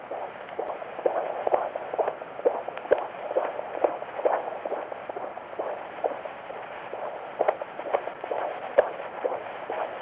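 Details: Ultrasound Doppler recording of a normal fetal heartbeat during a first-trimester pregnancy scan: rapid whooshing pulses at roughly 130 to 140 per minute.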